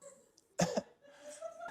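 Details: Acted comedic cough during an improv comedy show: a single short, forceful double-burst cough from an adult, followed by faint room noise and laughter.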